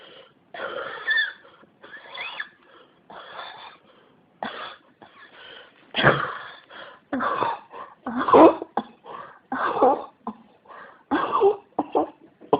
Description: 咳が止まらないです。